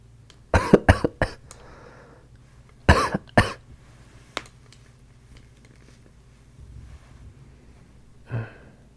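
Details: Real cough from a man with a cold-like illness, after a bad fever and a negative covid test, with a tickling throat: two bursts of harsh coughing, three then two coughs, with a quiet pause between.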